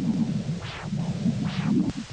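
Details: Huntleigh Dopplex handheld Doppler (diabetic foot assessment): two loud, whooshing arterial pulse sounds about 0.85 seconds apart over a low hum, a strong, bounding arterial signal in a neuropathic foot.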